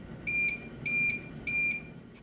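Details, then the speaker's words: Curlin 6000 infusion pump giving a home parenteral nutrition infusion: three short, evenly spaced, high-pitched beeps, the alarm that its batteries are low or empty. "Cuando las pilas están bajas o agotadas, la bomba emite un pitido."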